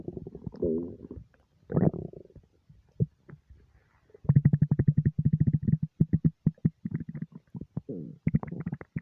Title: nonstop stomach rumbles